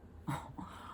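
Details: Sleeping dog gives one short, rough, snorting breath in a quiet room: snoring.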